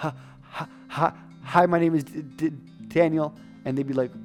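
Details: Adult man who stuttered for years imitates his own stutter from about age 22, when he could not say his name; stuttering (imitated).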